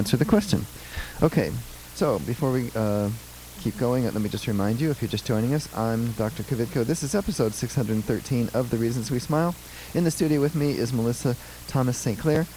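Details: Adult male speaker; typical speech.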